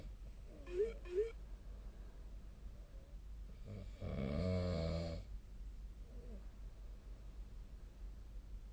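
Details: A sleeper snoring, recorded 2025-02-10 with a snore-tracking app (SnoreLab); the sleeper also sneezed in their sleep that night. Quiet room, soft breathy sounds and one longer, low, rattling inspiratory snore.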